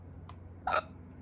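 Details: A faint lead-in sound, then a single abrupt, sharp, gulping hiccup in a quiet room, from a person who had hiccups for the first time in a long time.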